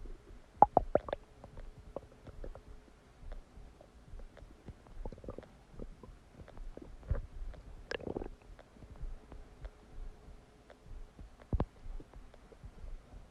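Irregular gurgling, bubbling and rumbling bursts from the abdomen: ordinary bowel sounds of digestion after a meal.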